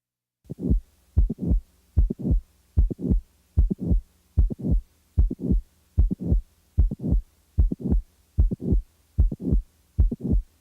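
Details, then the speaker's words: Mitral valve prolapse: regular heartbeat near 75 per minute with a sharp mid-systolic click followed by a late systolic murmur. "the next example is that of a late systolic murmur in a patient with a mitral valve prolapse now the mid-systolic click is added now a late systolic murmur is"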